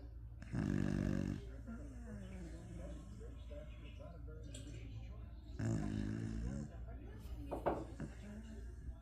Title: My beagles Love Nap time the kid and mom and one snoring #beagles #dogs #puppies